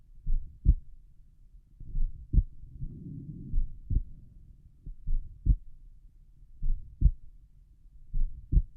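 Slow, steady lub-dub heart sounds heard over the pulmonic area at rest, about 70 beats a minute.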